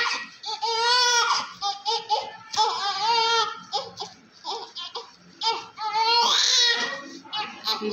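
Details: Repeated strong, high-pitched wailing cries with short breaths between them: a vigorous cry from a small newborn male delivered by caesarean section (LSCS), covered in vernix, during cleaning with baby oil.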